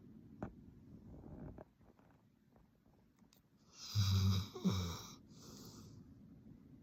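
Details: Very loud snoring in a sleeping black Labrador dog: some quiet shuffling and breathing, then a loud snorting snore with a whistling, wheezy edge.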